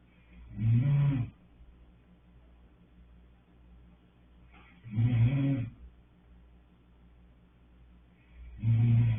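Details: Deep, rumbling snores roughly every 4 seconds, about 15 breaths a minute, with quiet pauses between; snoring.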